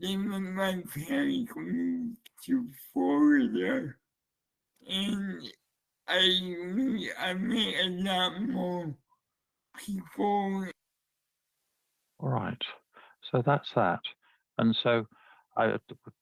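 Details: Man with dysarthria, a user of the Relate speech-captioning app, featured in motor neurone disease association presentation, speaking with Relate captioning switched on; slurred speech; dysarthria.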